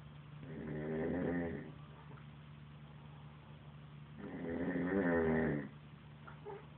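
Two loud, buzzing, fluttering inward-breath snores about four seconds apart, quiet exhalations between, over a steady low room hum: ordinary snoring.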